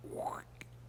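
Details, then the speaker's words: Imitated active bowel sounds on abdominal auscultation with a stethoscope: a voiced rising gurgle and click, likely busy after the patient's lunch; normal is 5 to 30 clicks and gurgles per minute. "And what we're listening for are these little clicks and gurgles. Kind of sounds like a little stream or like a a bubbling brook. Mhm. And I can tell my patient might have just had lunch because I've got a lot of activity going."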